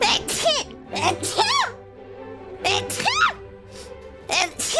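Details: Compilation of several quick, high-pitched voiced sneezes from an adult VTuber streamer, with soft music in the background.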